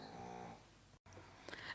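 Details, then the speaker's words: Faint, soft, tonal nasal snoring from a sleeping Chihuahua in the background while someone talks, followed by quiet room noise. "And yes, if you were wondering, that is a snoring Chihuahua in the background. Although by now most of you probably recognize the sound of air snoring."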